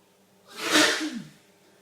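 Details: Adult man during a long sneezing fit, with watering eyes and a streaming nose: a single forceful sneeze, with a quick intake followed by a loud, hissing burst through nose and mouth.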